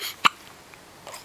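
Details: Baby girl: a single sharp, brief hiccup, a sudden catch of breath over quiet room noise.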